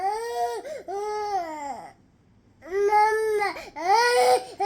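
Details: Loud, strong, high-pitched cries in bursts with short pauses for breath from an infant; an ordinary infant cry.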